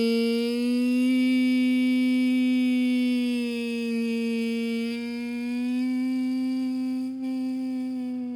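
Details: Voice breaks during humming in a male vocal coach: voice clips in and out and almost fades, more trouble in the lower range, attributed by him to slight vocal cord swelling from overuse teaching until 2 a.m. the night before.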